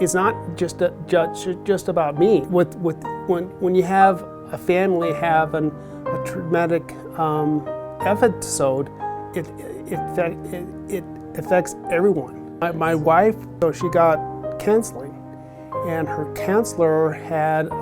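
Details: Adult male survivor of two strokes six days apart, who afterwards could speak only five words; he had treatment with brain stimulation in an aphasia study and reports improved speech; aphasia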